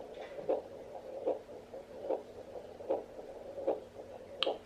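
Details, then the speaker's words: Soft regular whooshing pulses of a fetal heartbeat in a twin pregnancy at about 10–11 weeks, recorded by the mother at home with a Doppler app on April 27. "that was the baby's heartbeat so when I went in for my ultrasound or when I went in for my appointment just the other day"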